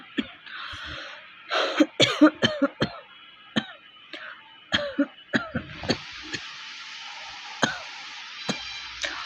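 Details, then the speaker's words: Deliberately recorded real dry cough. Repeated short, sharp, unproductive coughs with throat clearing and laughter during a cough challenge. "কাশি হচ্ছে কিন্তু মানে শুকন"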